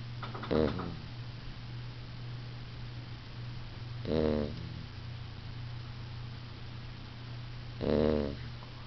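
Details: A beagle/basset puppy snoring loudly while napping; snoring.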